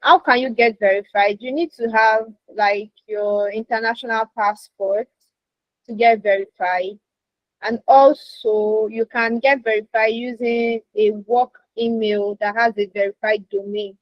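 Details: Adult woman speaking; Normal speech.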